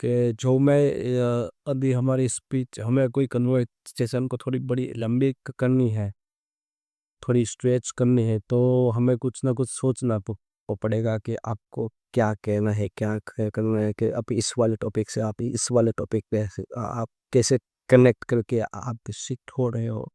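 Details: Adult man who stammers, speaking Hindi, doing daily stammering practice for about a month and reporting limited control despite it; stuttering.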